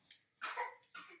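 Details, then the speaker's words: Baby coughing after a flu vaccine, which the parent suspects caused the cough: two short, harsh coughs with a faint catch of breath before them. "for today's video maaga siyang nagis kaso meron siyang ubo yan after ng kanyang flu vaccine nagkaroon siya ng ubo"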